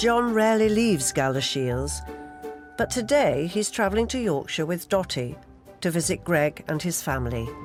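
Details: Adult narrator; normal speech.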